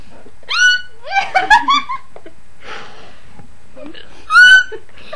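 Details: Two sudden, high-pitched, squeaky real hiccups a few seconds apart, not made up, with brief laughter in between.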